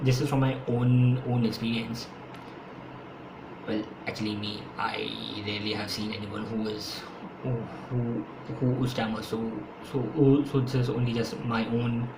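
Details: Adult man who has stammered since his school years, stammering more when speaking faster; speech with repetitions; stuttering.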